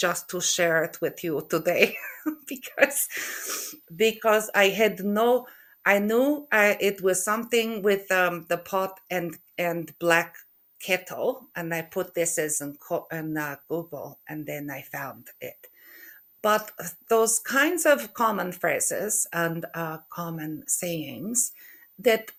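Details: Adult woman with aphasia after a stroke in November 2023; word-finding difficulty and halting speech.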